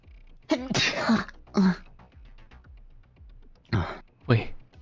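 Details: A single sneeze during a livestream, called cute by another streamer, who asks if it is a real sneeze.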